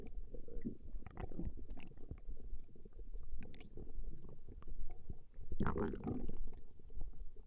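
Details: Woman's stomach growling recorded over a long session: continuous low gurgling and rumbling with bubbling squeaks; ordinary borborygmi, a normal bowel sound.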